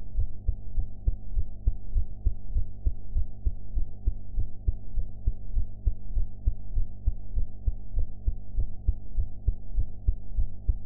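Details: Own heart sounds recorded after eating ("blue"), audio quality enhanced afterwards: steady heartbeat at about 100 beats a minute over a low continuous hum.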